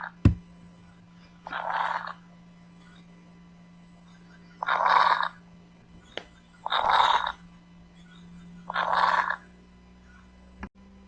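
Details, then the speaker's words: Four rough, bubbling, gurgling breath sounds on lung auscultation, in a teaching example of abnormal breath sounds; coarse crackles. "crepitantes gruesos estertores"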